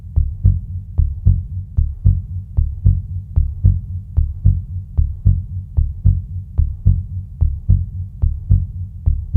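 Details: Normal heartbeat: steady, regular paired lub-dub thumps at about 72 beats per minute over a low hum, presented as the real sound of a beating heart.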